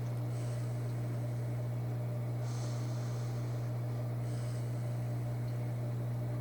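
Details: ResMed P10 CPAP machine with a nasal pillow mask, used on the first day: a steady low machine hum with faint airy hissing that rises and falls as the wearer breathes through it.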